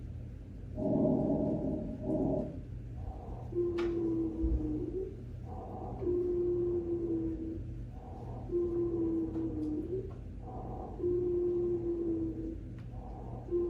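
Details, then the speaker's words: Asthma attack recording used for school health staff training: labored breathing at about 24 breaths a minute with a high, musical whistling wheeze on each breath. "so what does an asthma attack sound like"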